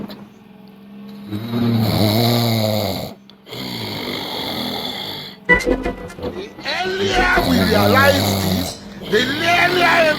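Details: Heavy snoring: loud rattling snores under music and a speaking voice.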